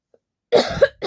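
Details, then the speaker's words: Woman with a winter cold, throat irritation and a real cough who is taking cough syrup: a faint click, then a single harsh cough burst with a short follow-on sound in a quiet room. "तो आप लोग बहुत request करते हो ना कि coughing challenge का video बनाओ रियल कफिंग तो गाइस आज उन्हीं सब फ्रेंड्स के लिए है रियल रियल कफिंग का"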